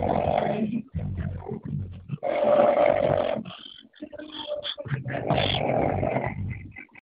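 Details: Snoring: loud, rough rumbling breaths in long drawn-out bursts with brief pauses between; snoring.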